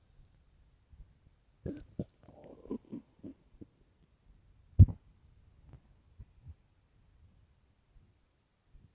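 Quiet, intermittent gurgles and low rumbles with one louder growl: ordinary hunger-related stomach growling.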